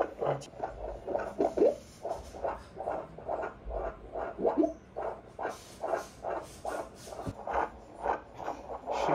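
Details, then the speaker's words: Fetal heartbeat on ultrasound Doppler at the mother's first prenatal checkup in hospital (she has had a previous caesarean): rapid, regular whooshing pulses, roughly 140 a minute. "and then maririnig din natin yung heartbeat niya dito"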